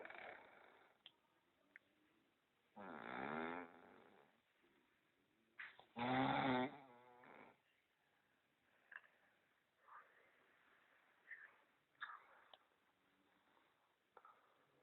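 Loud, rattling snores on two breaths, followed by quieter breathing with soft snorts in a quiet room.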